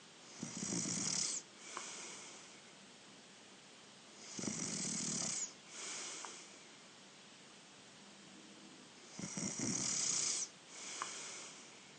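Three loud rasping snores on the in-breath, each followed by a softer out-breath, about 15 breaths a minute.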